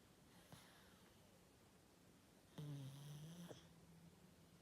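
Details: Loud rattling, buzzing snore on inspiration after quiet rhythmic breathing, over room hiss, from a sleeping Pug, a flat-faced dog.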